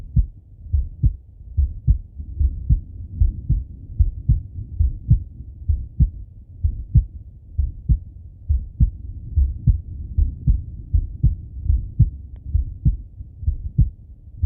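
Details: Male heartbeat and breathing auscultated through stethoscope: steady regular lub-dub at about 75 beats a minute with soft breathing swells underneath; normal heart sounds.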